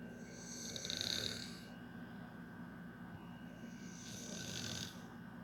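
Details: Two long, rough, raspy breaths about four seconds apart over steady room hum: loud snoring.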